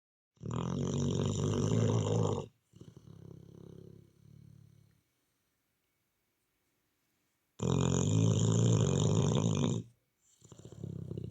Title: I shall snore yall